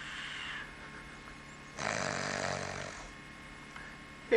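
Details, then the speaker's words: A man sleeping on a carpeted floor snores loudly and roughly on one breath in, against quiet room noise; a really serious snore. "really serious snor snage"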